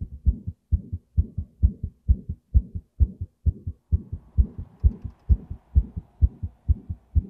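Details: Person's own heartbeat while playing a fast-paced racing video game: fast, strong, thumpy beats at about 130 a minute with a soft whooshing murmur between beats; heartbeat with murmur.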